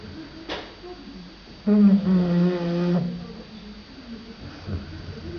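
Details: Snoring.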